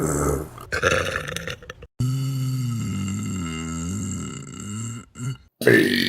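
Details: Compilation burp: a loud, prolonged voiced belch with a wavering pitch, lasting a few seconds, with brief noise before and after.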